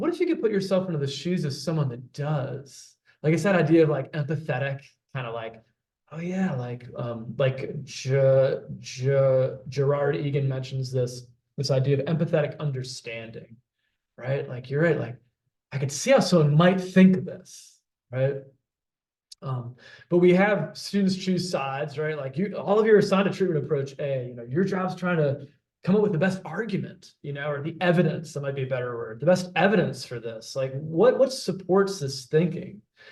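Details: Adult man who stutters, himself a speech-language pathologist specializing in fluency disorders; stuttering.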